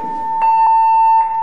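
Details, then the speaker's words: Simulated AED training demonstration with a CardioAid-1 defibrillator giving Slovak voice prompts after rhythm analysis: shock advised, do not touch the patient, press the flashing button. A steady high-pitched electronic tone with brief clicks as the shock is delivered. "počkáme kým prístroj vyhodnotí či sa ide podávať výboj alebo nie odporúča sa použiť výboj nedotýkajte sa pacienta stlačte blikajúce"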